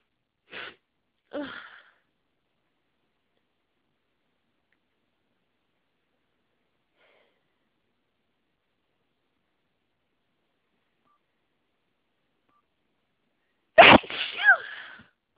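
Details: Hay fever sneezing, ongoing for several days: two brief sneezes or sniffs, a long quiet pause, then a forceful full sneeze.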